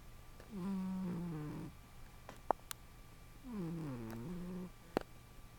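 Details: Snoring from a pet cat sleeping on a couch, starting about 40 seconds into the recording.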